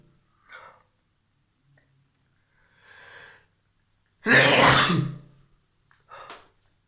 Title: I sneeze after washing my hands